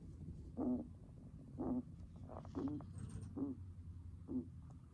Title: Guinea pig rapsy breathing sounds